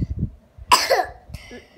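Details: A single short cough from a child, with faint room noise before and after; cough.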